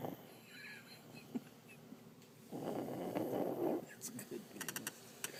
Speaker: hear our son snoring, he's just like his mom. Just like you, just like his dad.